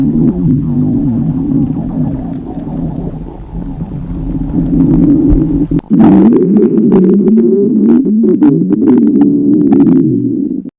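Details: Young woman fasting before a gravure photo shoot: long, loud, gurgling growls with shifting pitch; stomach growling (borborygmi) from hunger.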